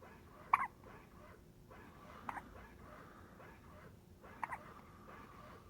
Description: 1 premium minute of newborn baby hiccups!